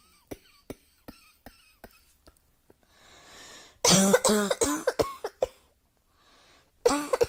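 Series of soft short coughs followed by louder, rougher coughing bursts with some voiced throat sounds, in a quiet room.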